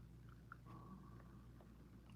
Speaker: hear my stomach growling because I decided to come on live